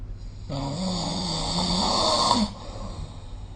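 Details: Adult snoring during sleep, recorded with the SnoreLab app: a single loud, buzzing, rattling snore lasting about two seconds, then quieter breathing.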